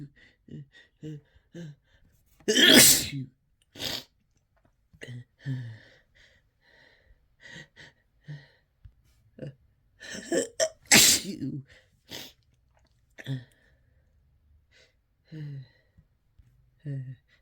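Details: Uncontrollable sneezing induced by Chhinkni sneezing powder: harsh, explosive, desperate sneezes amid repeated sniffs, short gasps and snorting between bursts.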